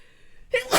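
After a quiet moment, a short voiced intake of breath is followed by a sharp, loud, hissing burst: a single sneeze.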